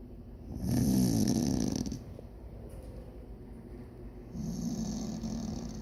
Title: Snoring..